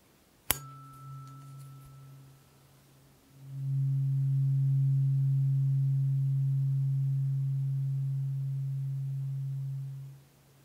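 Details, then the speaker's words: Simulated ASMR role-play hearing test, not a real exam: the second tuning fork, slightly higher but still low frequency, is played to each ear, giving a sharp strike followed by a steady pure low hum that slowly fades. "okay so how did that sound strong in both ears could you tell the difference in the frequency between this one and the one before"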